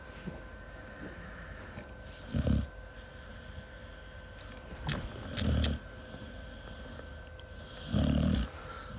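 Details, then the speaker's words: Three low, rumbling snore bursts, about 20 a minute, from a sleeping dog that is out cold, over faint room hum: ordinary canine snoring. "Lulu is snoring. She's out cold. That's funny as hell. She gets really loud too, guys."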